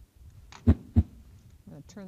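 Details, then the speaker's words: Teaching recording of normal heart sounds: a single crisp lub-dub pair, S1 from AV valve closure during ventricular contraction and S2 from semilunar valve closure during relaxation, then a man's voice begins. "so the the semi lunar valves at the base of the aortic aorta and the pulmonary artery um are a little differently shaped and you'll see it in this animation and they just have a a tighter closing sound it's a dup so it's love du up led up"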